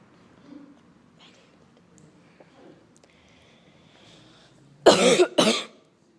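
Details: Deliberate, acted sneeze in a silent library: quiet room, then two loud explosive bursts in quick succession.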